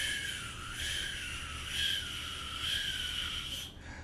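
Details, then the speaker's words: Vocal imitation of a continuous machinery murmur, as in patent ductus arteriosus, likened to the bruit heard with a stethoscope over a dialysis patient's AV shunt; a continuous whooshing hiss that swells with each pulse. "it's similar to the murmur if you put a stethoscope on an av shunt in a patient with renal dialysis"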